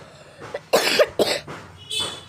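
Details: A child gives a short run of about three loose, harsh coughs in a quiet room; the child mentions having a cough and illness with the change of season.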